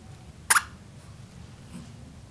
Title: bulldog puppy hiccups